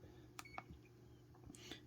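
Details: Short electronic keypad beeps over quiet room hum as buttons are pressed while programming a CADD PCA pump for morphine at home hospitalisation (cassette 50 mg/ml, PCA mode being validated); infusion pump keypad beeps.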